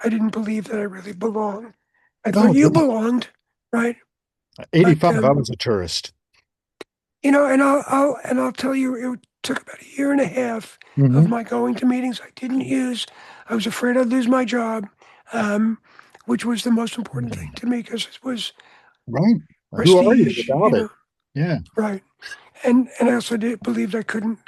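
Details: Adult man with voice change after throat cancer treated with surgery, radiation and two years of experimental chemotherapy; no recurrence since.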